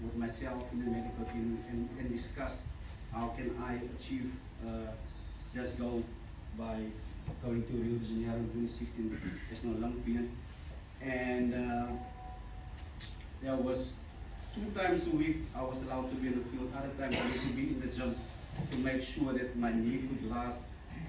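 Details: Adult man, a former rugby sevens player, who stutters. He says his stutter began in childhood and was very severe then. Finding: stuttering.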